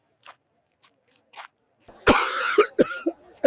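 An acted adult cough: a few faint sounds, then a loud harsh burst followed by three or four short coughs.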